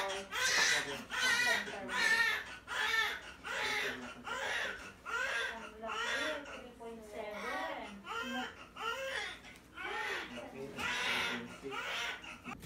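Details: Newborn baby boy, about 3.35 kg, just after a normal delivery: rhythmic, vigorous crying in repeated bursts, about 76 a minute, in a small room; a normal strong newborn cry.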